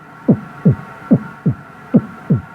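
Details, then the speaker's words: Voiced imitation, not a real heartbeat (stethoscope microphone can't pick it up), of normal heart sounds: steady paired lub-dub thumps without extra sounds, about 70 a minute; the demonstrator's own heart has two murmurs. "that wasn't actually my heart through the stethoscope because the microphone can't pick that up that was just a sound i was making in my throat like that"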